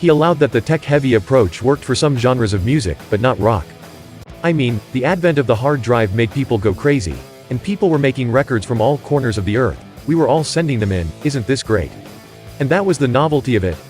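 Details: Adult male speaker; normal speech.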